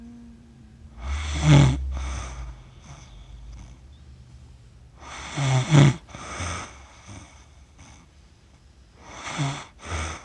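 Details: Adult who fell asleep while filming cats and recorded by accident for 47 minutes. Loud rattling snores with snorting bursts, about one every four seconds, separated by quiet breathing pauses. Ordinary sleep snoring.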